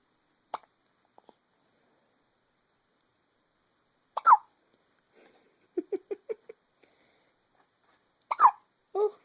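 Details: Sharp hiccups every few seconds with soft squeaky sounds between them from an 8-day-old baby boy; ordinary newborn hiccups.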